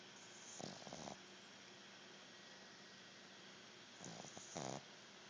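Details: Two brief rattling snores separated by a quiet pause over a steady background hum; ordinary snoring in a sleeping animal.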